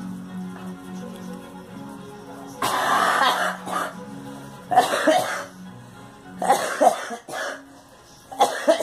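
A child gives about five harsh, throaty coughs in short bursts, some with throat clearing, over steady background music. Finding: cough.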